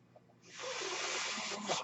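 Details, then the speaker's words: Noise of a person's own mechanical ventilator heard while they talk, the ventilator running in the background during speech. "hello everyone my name is that noise you're hearing is my ventilator"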